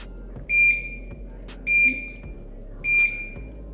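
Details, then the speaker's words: Infusion pump switched on to prime home TPN (total parenteral nutrition) for a PICC line in the arm of a patient with gastroparesis; three short, evenly spaced start-up beeps over quiet room hum. "So we gotta turn it on. It's gonna beep."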